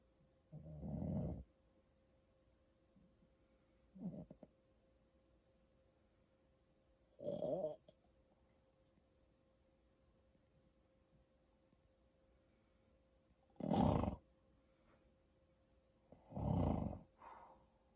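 Rough, rattling snores with each breath in, five over eighteen seconds at irregular intervals, with a steady hum in the room.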